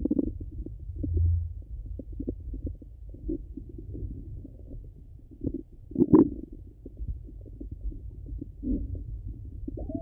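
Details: Low gurgling and rumbling in irregular bursts, with a louder gurgle near the end; ordinary active bowel sounds.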